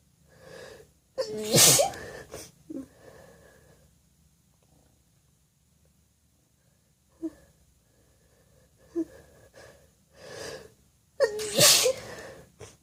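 Two forceful, wet-sounding sneezes with wind-up breaths and sniffles between them.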